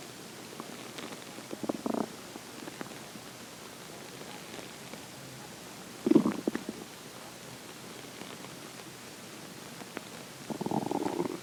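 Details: Morning hunger stomach growling: three gurgling, rumbling bursts against quiet hiss; normal borborygmi.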